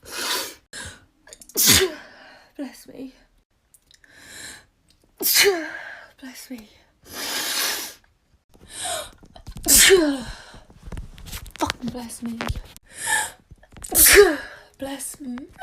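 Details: Sneezing: a run of sharp, explosive sneezes in quick succession, each preceded by a quick in-breath.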